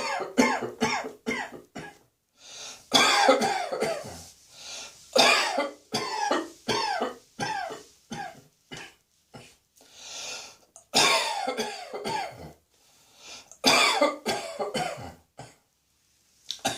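Repeated bouts of dry, harsh coughing with throat clearing, in clusters over about seventeen seconds; an irritant cough, linked to cat hair.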